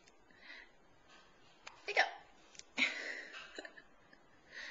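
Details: Two-week-old baby boy's daily hiccup session: a few soft, sudden catches a couple of seconds apart over quiet room noise.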